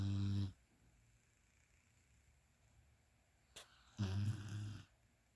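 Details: Sleeping dog snoring: two low, rumbling snore sounds separated by a few seconds of quiet breathing; snoring.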